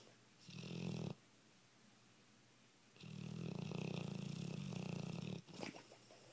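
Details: Sleeping Dogue de Bordeaux (large female dog): two long, low, rumbling snores separated by a quiet pause; ordinary snoring.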